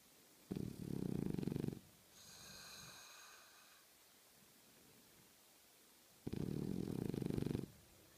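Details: Snoring: two harsh, fluttering snores on in-breaths about six seconds apart, with a faint whistly sound between them.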